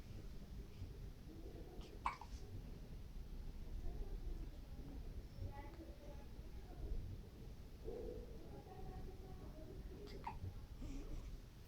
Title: 15 days old baby hiccups